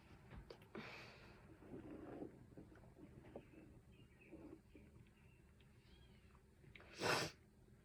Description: im allergic to something in one of the rooms in my house & this is what happens when I just ~exist~ in the room